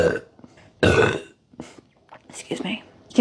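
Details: Burping after drinking cherry soda: one loud, drawn-out belch with a few soft mouth sounds around it.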